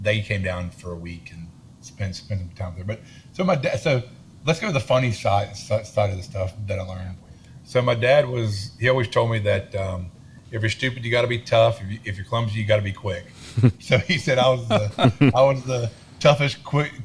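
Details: Adult man with a self-reported lifelong stutter and lisp, in speech therapy his whole life; stuttering.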